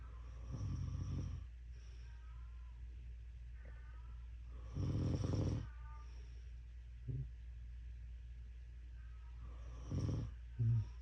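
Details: Mother snoring loudly at 2 a.m. while a calico cat vocalizes: low rumbling snores about three in eleven seconds, over a steady low hum with faint cat chirps between.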